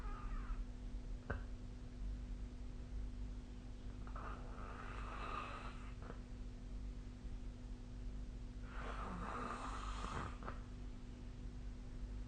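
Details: Snoring during sleep: faint, rough snoring breaths under a steady low hum of room noise.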